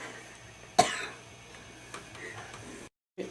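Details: Smoker of homegrown tobacco, with cough reported as painful; a single harsh loose cough burst with a rattling tail: wet smoker's cough.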